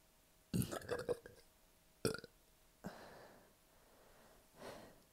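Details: Several loud, low, rumbling belches, three or four in five seconds, in a quiet room, after a double quarter pounder, large fries and a liter of soda left a bloated belly; repeated burping.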